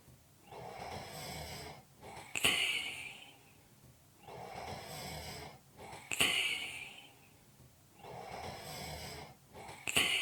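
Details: Heavy, noisy breaths repeat steadily, about 16 a minute; each breath in hissing, each breath out ending in a sharp whistling puff: heavy breathing with snoring.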